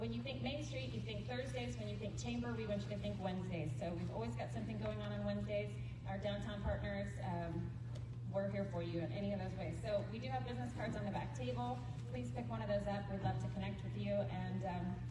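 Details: Adult woman speaking to an audience; Normal voice.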